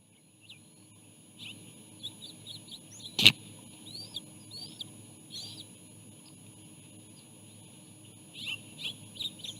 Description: A-48 gives a good example of an eagle sneeze, which is called a 'snite', before flying off.